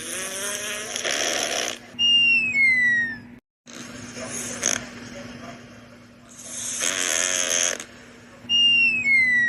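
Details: Cartoon-style snoring sound effect of a sleeping animated character: buzzy rasping inhales followed by falling whistles on the breath out; an animated imitation, not a real sleeper; snoring.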